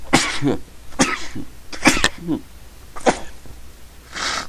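About five short, sharp coughs in a row, with a harsh throat-clearing quality.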